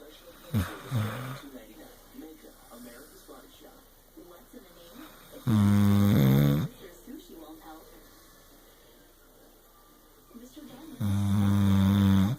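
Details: Tired, worn-out male snoring during sleep: loud, buzzy snores about every five seconds, roughly 11 a minute, with quieter breathing and soft room noise between.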